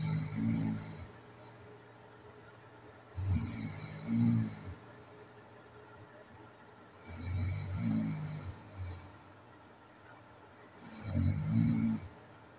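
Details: Low rumbling snores in slow cycles, about four breaths in twelve seconds, separated by quiet pauses; snoring during sleep in a person with sleep apnea, recorded at night.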